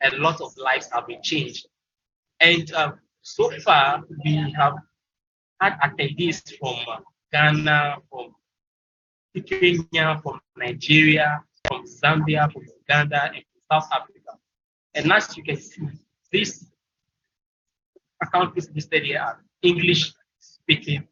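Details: Stuttering in a presenter from Ghana at a stuttering support event, with frequent fillers and broken phrases.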